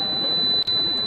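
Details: Propex Pixi apex locator giving a steady high-pitched tone with a brief break as a size 15 file advances toward the working length in an upper right first molar, nearing the root apex.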